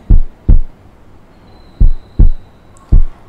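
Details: Normal heart sounds heard during a demonstrated cardiovascular examination, with routine auscultation at the apex using the stethoscope diaphragm and the patient repositioned onto the left side.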